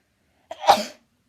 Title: Cute Japaneze girl sneezing くしゃみ26